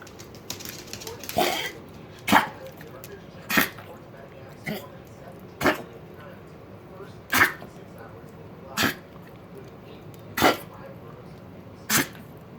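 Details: Dog named Ruby coughing: eight short, harsh cough bursts evenly spaced about every one and a half seconds in a quiet room.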